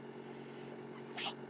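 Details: Mechanical ventilator.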